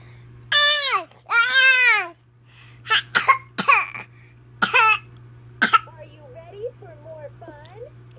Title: Fake coughing